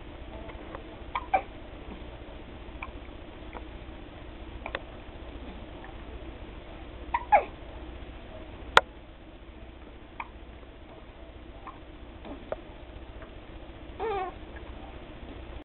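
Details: Female infant aged about five weeks with a bad case of hiccups: brief, sharp, jerky catches in the breath at irregular intervals over a quiet room background.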